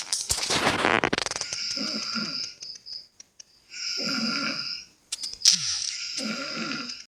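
Loud, rattling, harsh breaths repeating during sleep with brief pauses between them: heavy snoring.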